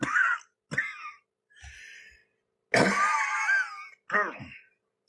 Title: Love you dad but you cough to much